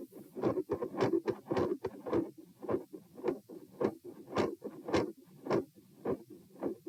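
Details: Heart sounds recorded at position p while standing: machinery-like PDA-like murmur with phasic S2, fading in and out, then a major pattern and volume change with loud split S1 and S2; possibly L-R pressure.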